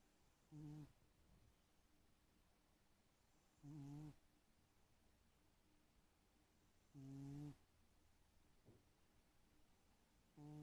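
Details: Sleeping cat snoring: soft, buzzy snores on each breath about every three seconds, roughly 18 a minute.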